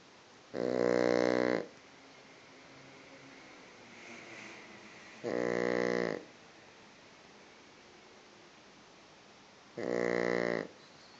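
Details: Pug sleeping with eyes open, giving loud, rattling snores about every 4.5 seconds (roughly 13 a minute), each lasting about a second, with quiet between: snoring.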